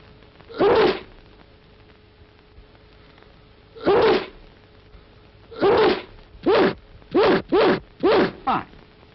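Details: Sneezing in a 1945 Ministry of Health information film on spreading disease by sneezes: seven sharp explosive sneezes, widely spaced then in quick succession, on an old film soundtrack with steady hum.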